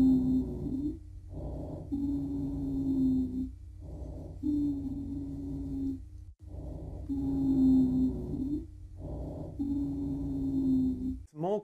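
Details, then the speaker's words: Wheeze: continuous high-pitched musical whistle, loudest on the longer out-breaths, about 20 breaths a minute; wheezing heard on expiration, inspiration or both, more commonly expiration, indicating airway obstruction. "so wheezing is essentially a continuous high-pitched sound now it can be heard on expiration inspiration or both but more commonly with expiration"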